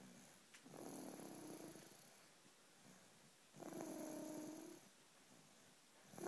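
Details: Small animal snoring while asleep: two long, soft, rattling breaths about three seconds apart with a faint high whistle.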